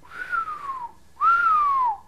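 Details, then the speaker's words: Two falling whistled tones imitating a wheeze, the musical sound of narrowed airways, described as linked to asthma, acute bronchitis or viral infections; wheezing (imitated). "diye bu işte wheezing işi yapıyor. Olarak tarif ediyorlar daha çok. Bu ses çıkıyorsa evet ve bu uzun sürüyorsa mesela viral enfeksiyonlarda olur."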